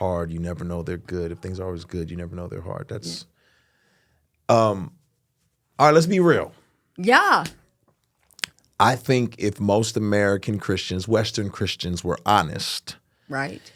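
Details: Adult male speaker; ordinary speech.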